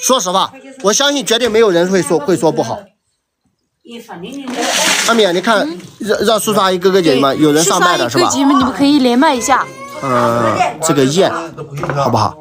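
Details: Adult woman speaking Mandarin; Normal speech.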